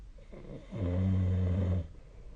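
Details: A single low, rumbling snore on one in-breath, about a second long, with quiet breathing before and after, recorded during sleep with the SnoreLab app: ordinary snoring.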